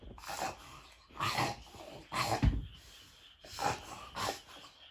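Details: Doberman dog having a reverse sneezing episode: repeated loud, rapid snorting inhalations in bursts, with the owner checking on the dog until it stops.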